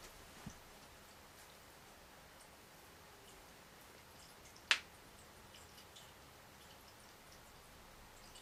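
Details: Girl cracking knuckles and toes: one sharp, crisp pop after a faint earlier click in a quiet room; a harmless joint crack.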